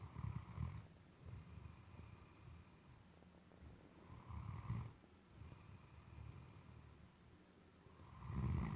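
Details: Great Dane asleep: deep rumbling rattles repeating in slow cycles about every four seconds, quieter breathing between; snoring.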